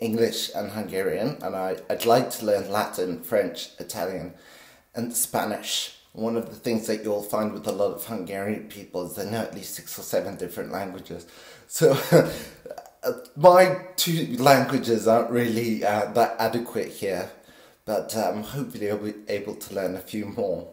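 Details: Essential voice tremor in a 50-year-old man with essential tremor since birth, always very pronounced in his voice, still audible after deep brain stimulation surgery at 24, which stabilizes but does not cure it.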